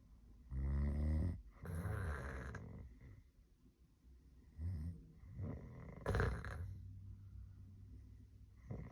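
Loud, low, rattling snores on each in-breath, with quieter breathing sounds between them; ordinary snoring.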